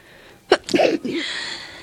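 A quick inhaled catch, then a single forceful sneeze with a trailing breathy exhale.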